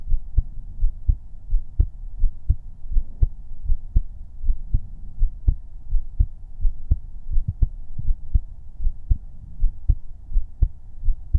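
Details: Heartbeat-only ASMR recording, no talking, made with a 3Dio binaural microphone during a livestream: steady low regular thumping at about 83 beats per minute with a faint background hum; normal heartbeat.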